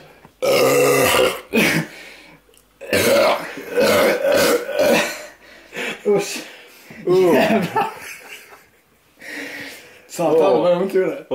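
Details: Several long, loud, rumbling burps with short breaks between them, from a person who failed a challenge to drink two liters of diet cola without burping, in pain from stomach fullness.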